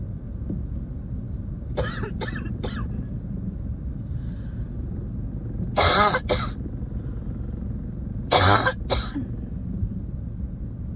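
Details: Adult's cough with a spring cold, recorded while driving at night; three short bursts of coughing over steady car engine rumble.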